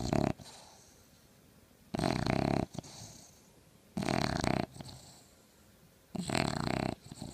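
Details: An English bulldog pup snores loudly, reportedly out-snoring the household's 3- and 4-year-old bulldogs.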